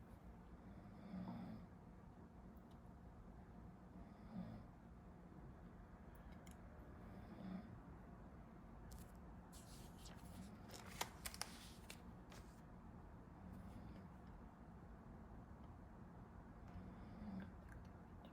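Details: A person sleeping behind a medical student during a study-with-me recording snores: soft, regular low snores about every three seconds, roughly 19 breaths a minute, in a quiet room with a few faint taps.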